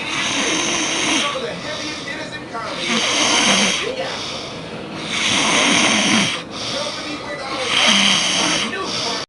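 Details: Person who fell asleep, snoring: loud, harsh, rattling snores about every two and a half seconds, roughly four in the recording, with quieter breathing between them.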